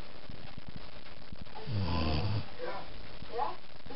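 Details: Dog snoring while asleep: a single low rumbling snore over steady room noise.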